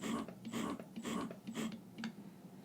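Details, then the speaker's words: Lacevo wearable breast pump just started, running in automatic mode with both sides, app-controlled, during a product review: rhythmic whirring motor cycles about two per second. "So you can start the pump. It just started working right there."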